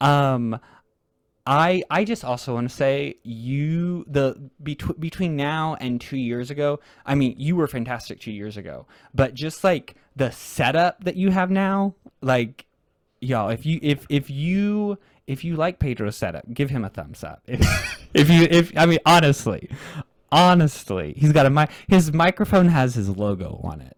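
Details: Real, natural conversational speech from a male podcast host who stutters; part-word repetitions of an initial sound are heard; stuttering.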